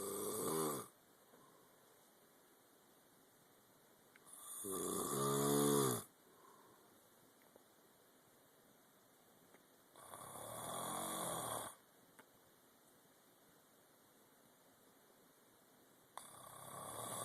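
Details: Father snoring in sleep: loud, rattling inspiratory snores, about 11 a minute, with quiet gaps between them.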